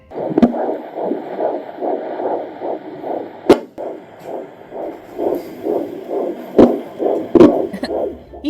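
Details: Fetal heartbeat of a baby girl on Doppler, heard before the 20-week anatomy ultrasound: rapid, regular whooshing pulses at about 150 per minute with a few clicks, said to sound like a little dinosaur.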